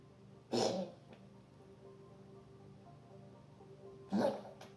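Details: Cat coughing: two short, harsh, forceful bursts several seconds apart over quiet room noise.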